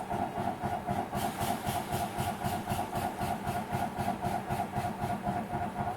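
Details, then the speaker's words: Airway clearance device in percussion mode during therapy, patient breathing normally through the mouthpiece: steady rapid mechanical pulsing with hiss, about four pulses a second. "We would ask to the patient to breathe normally through the mouthpiece"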